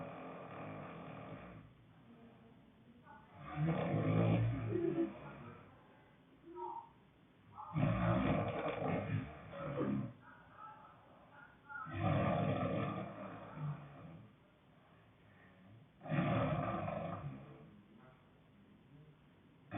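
Loud, rough, growling snores on each breath, about 15 a minute, with quiet pauses between; heavy snoring.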